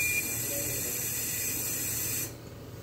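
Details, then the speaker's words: A refurbished Drager Babylog 8000 plus infant ventilator with a leaking hose pipe at the back, triggering an alarm during testing: ventilator air leak hiss. "के पीछे से hose pipe leak है तो इसमें अपना inch का alarm आ रहा था"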